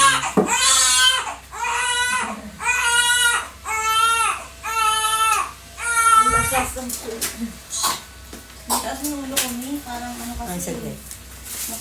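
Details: Newborn just after a normal vaginal birth, the mother's first baby: loud, rhythmic crying, about one cry a second, followed by softer whimpers, with room noise and faint talk.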